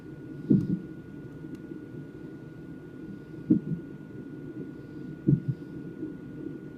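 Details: Fetal hiccups picked up on a fetal monitor during a non-stress test: three soft, separate thumps a few seconds apart over steady monitor hiss.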